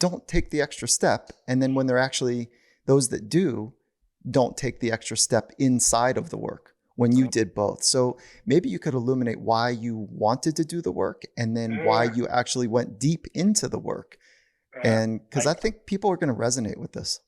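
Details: Adult male speaker; Normal speech.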